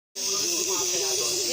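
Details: Nebulizer treatment for cough and cold in a child with autism: steady hissing mist over a buzzing motor tone.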